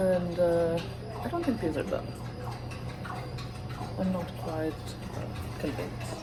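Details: Vocal tics in a male with self-reported Tourette syndrome, which produces both movement and sound tics.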